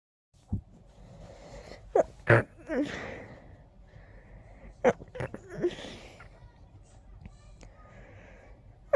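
An adult sneezes forcefully several times in quick succession, with a stuffy, congested quality between bursts.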